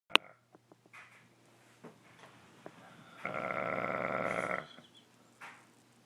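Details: Sleeping boy snoring: one long, harsh, growling snore on an indrawn breath, likened to Chewbacca, with soft clicks and breath noises around it.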